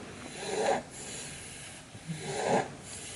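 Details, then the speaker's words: A very tired young son, held while falling asleep, snores or breathes noisily: snoring. "as your son snores or breathes like can you guys hear that like I think I could put him down I think he's done oh gosh he's so tired"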